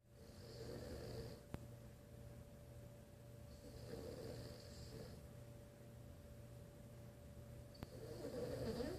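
Soft, rhythmic snoring breaths repeating every few seconds in a quiet room, with a faint steady hum behind.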